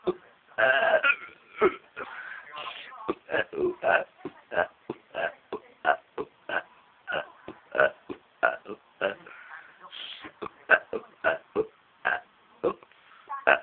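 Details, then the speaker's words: Person deliberately burping the EastEnders theme tune: a rapid series of short burps strung together in a rhythm. "Shall I do EastEnders tune? I do. Shall I do EastEnders tune in burps?"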